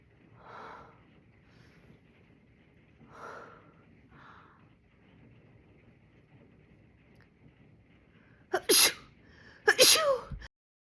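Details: Two loud, sharp sneezes during nose play, following quiet breathy sounds and faint background music; sneezing.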